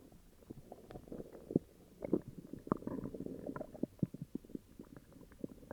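Low gurgling and bubbling stomach growls with many irregular pops and rumbles; active bowel sounds from an upset stomach.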